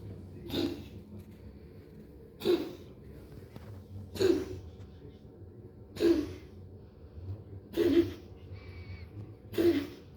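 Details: Dog coughing: six single, harsh coughs evenly spaced about every two seconds, over quiet room noise.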